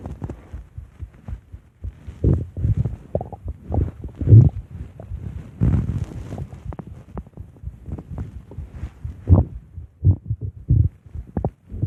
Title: Big bad Ape stomach growls